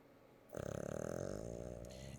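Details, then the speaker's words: Dog snoring while asleep on a couch with a blanket (snores every time he sleeps): a single drawn-out, rumbling inhaled sound with rapid fluttering, nearly two seconds long. "is he snoring of course he is you can hear the snore how often does he snore every time he sleeps"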